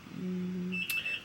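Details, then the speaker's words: Arm IV in a woman during her third C-section birth at 37 weeks; the pump beeps when she bends her arm, though fluids keep flowing: low steady tone then a higher electronic beep, an infusion pump alarm. "it's in my arm which is why you hear beeping because if I bend my arm too much it starts to be like I guess to inform the nurse that it might have stopped but it didn't the liquids are still flowing so it's fine"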